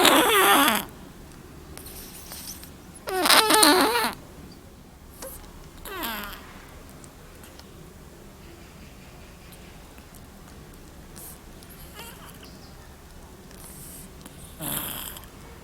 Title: 這貓呼嚕打的絕了｜A Snoring Black Little Cat ｜HD